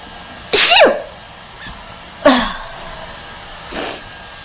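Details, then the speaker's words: Acted sneezing by a blonde woman auditioning for an allergy commercial: two loud voiced sneezes and a softer third, performed rather than genuine. "this is my second audition for The Allergy commercial and I'm ready to do some sneezing for you"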